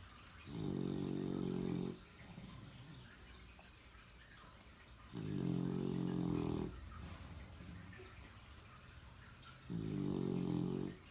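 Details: Snoring in a sleeping dog, surprisingly loud: rattling snores on each breath in, three in eleven seconds (about 16 a minute), with quiet breathing out between.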